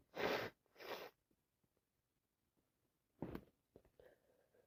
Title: Part 3 allergies and cold non stop sneezing, sit with me as I sneeze 🤧